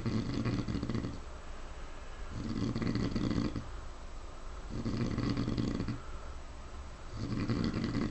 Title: Sayer the pig snoring